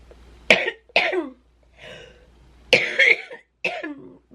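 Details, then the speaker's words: Four harsh, rattly, chesty cough bursts in quick runs with a short breath between, in a woman with cystic fibrosis. "like when your body's coughing like that you cough out out out out out then your body goes and starts"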